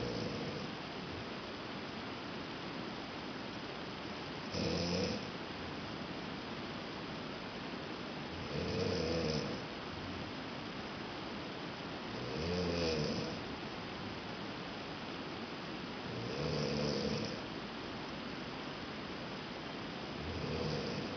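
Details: Adult woman snoring in the middle of the night, with a rain-sound noise maker playing: steady rhythmic rough rattling snores on each breath in, about 15 a minute, over faint room hiss.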